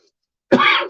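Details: Cough from an adult who reports wheezing during a live stream: cough in asthma.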